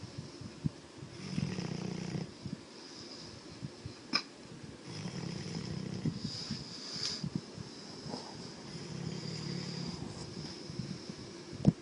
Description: yellow labrador snoring when sleeping